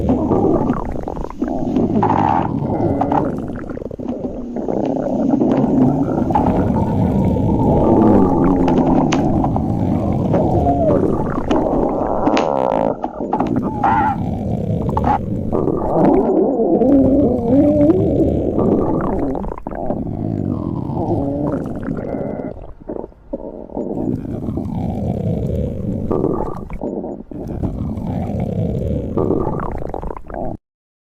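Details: Stomach growling (borborygmi): continuous low gurgling and rumbling with shifting squeaky tones from moving gas and fluid.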